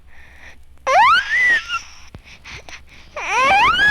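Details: Kussmaul respiration with high-pitched cry (metabolic acidosis).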